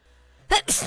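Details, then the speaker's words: A person sneezes during a gaming stream, one of five sneezes in a row: a single sneeze with a brief voiced intake, then a sharp, hissing burst of air. "Bless you again. Thank you. The five sneezes."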